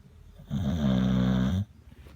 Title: Mr. Meaty snoring